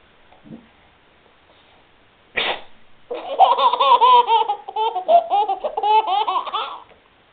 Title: Baby Laughing over sneeze